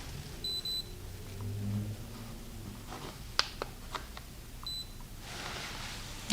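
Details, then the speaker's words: Two short high electronic beeps a few seconds apart over quiet room noise: a digital thermometer finishing a reading of 97.7 °F on a woman at a real-person dental appointment roleplay. "Check your temperature."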